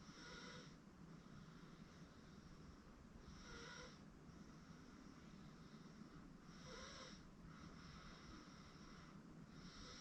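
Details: 8-month-old girl asleep on a futon, soft regular snoring breaths every few seconds over a steady low background hum.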